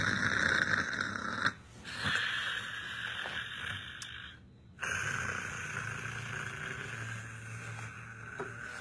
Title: Funny snoring